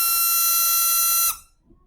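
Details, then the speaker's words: EMS transport ventilator high-pressure alarm: a steady shrill "teapot" whistle lasts about a second, warning that airway pressure is too high (the patient may need suctioning or the tube may have slipped). "got a little teapot whistle that blows letting you know that the pressure is too high and maybe you need to unhook the vent maybe you need to suction the patient"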